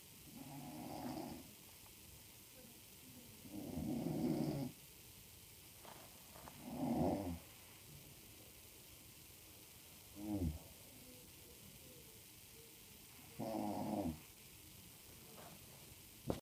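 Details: Women snoring during an overnight stay at an NHS facility: loud, rough snores recurring irregularly, about five in sixteen seconds, with quiet pauses between.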